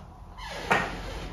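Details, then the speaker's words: A single sharp click as a Turbohaler aid twists the base of a reliever inhaler to load a dose, made for people with dexterity problems. "and instead of having to use your hand manually to turn it forward and back this haer uh turbo haer Aid does it for you"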